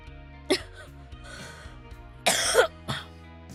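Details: Cough from a streamer who has been sick for almost a month.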